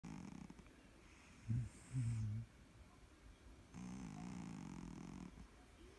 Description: My cat loves to get petted he fell asleep and started to snore he’s so sweet and cute.